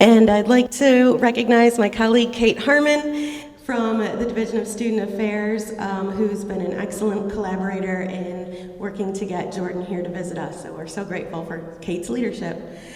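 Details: Adult woman; typical speech.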